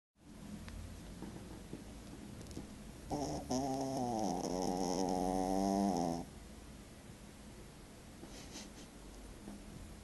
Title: Snoring banshee